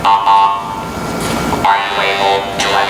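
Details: Electrolarynx speech demonstrated by a speech pathologist holding a neck-type artificial larynx to his own neck as a substitute sound source.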